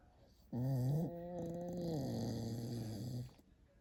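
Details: Pet dog snoring badly while sleeping with her eyes open.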